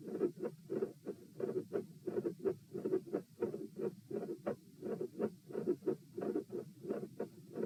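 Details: Auscultation stress test at the pulmonic (P) position while lying, sitting, standing and lying again (72, 84, 108 and 72 bpm): rapid heartbeat with a mid-systolic click and a split S2.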